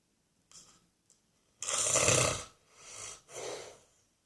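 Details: Old man drifting slowly asleep on Christmas day, then snoring: a few soft breaths followed by loud, harsh, rattling breathing noises in sleep.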